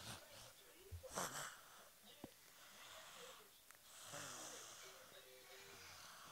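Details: A sleeping girl snoring: noisy breathing with harsh, faintly whistling snores on the in-breaths in a quiet room.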